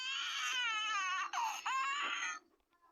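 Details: Baby crying with hiccups: a sustained, high-pitched cry with two brief catches, then quiet; infant cry.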